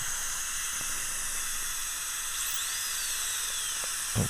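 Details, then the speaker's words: High-speed dental drill with a fine football diamond bur on the lingual of an adult woman's upper central incisor (tooth 8), 3/4 porcelain veneer crown prep, deep overbite case; steady high-pitched whine with water-spray hiss, pitch changing on contact. "okay i'm going to use a fine diamond football it's a small football diamond on the lingo because i don't want to cause too much trauma to her enamel"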